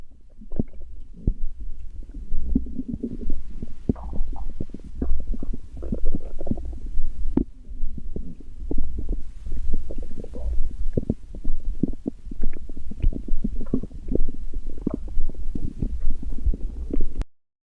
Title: My stomach growling #kawaiistuff #cute #toocutetohandle {🧠}